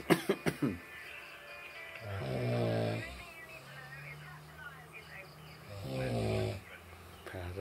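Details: Heavy snoring, loud, low and vibrating, about every four seconds with a faint hum between and a few sharp knocks at the start, in a loudness comparison of two snorers.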